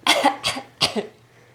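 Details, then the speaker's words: Three short, light deliberate cough bursts from a 5-month-old baby girl who just learned it, not sick, coughing for attention; voluntary fake infant cough. "that's so fake I just looked it up and it head a lot of a lot of people posted it and the two that I read were about 5 months old the fake coffee"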